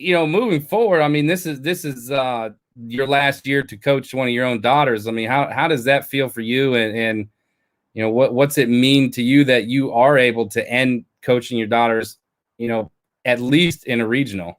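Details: Adult male speaker; Normal voice.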